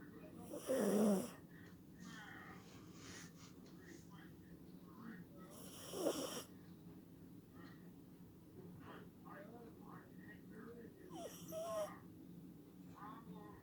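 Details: Sleeping dog snoring: three loud snorting snores spaced several seconds apart, with quiet breathing and faint room noise between them.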